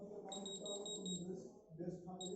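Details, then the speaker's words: Terumax Rx pump in PCA mode, demonstration: repeated short high-pitched beeps as the demand button is pressed multiple times during the one-minute lockout; presses counted but PCA not activated, a lockout alert beep. "you can able to hear i have pressed multiple times but the pca is not started because we have given the lockout time till that one minute how many processes will be counted but it will not be activated"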